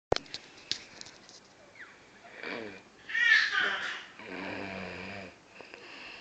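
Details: Adult woman asleep snoring very loudly: harsh, rattling breathing sounds with a whistling edge on one breath; snoring.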